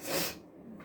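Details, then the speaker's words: One forceful hissing sneeze burst then quiet breathing from an adult sick with a virus caught from a contact, with sore throat, coughing and sneezing, gargling salt water; sneeze. "so that's what's been happening today coughing sneezing trying to drink tea gargling salt water and vinegar trying to like get rid of this virus whatever i have you know"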